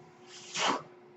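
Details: Mechanical ventilator breath-cycle noise heard behind a man's speech; the speaker identifies the sound as coming from a ventilator.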